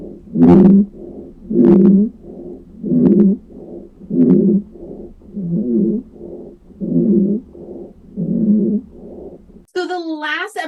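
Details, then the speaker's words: Rhonchi: low, coarse, snore-like rumbling heard on both inhalation and exhalation from secretions in the airways, which can normally be cleared by coughing. "so this is secretions inside of the airway okay so it's heard on inhale and when the patient exhales it can be loud low course kind of snore-like um but normally you can cough them out"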